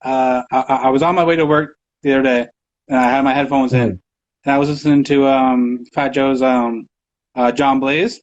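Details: Stuttering in an adult male who says he has a stutter and stutters in his interviews all the time.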